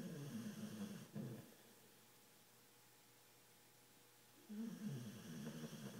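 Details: Tired pit bull dog asleep and snoring: two low rumbling snore breaths separated by a quiet pause.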